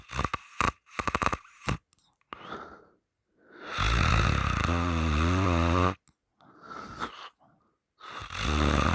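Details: Person snoring loudly with mouth open during sleep while the nose is held shut three times: loud, rattling, harsh fluttering snores on long breaths with quieter breathing between.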